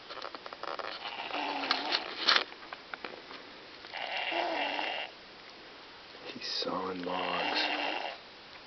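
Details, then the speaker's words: Young child snoring like sawing logs: rough, rattling breathing in a few loud bursts, one with a deep fluttering buzz, against room noise. "Sounds like a freight train."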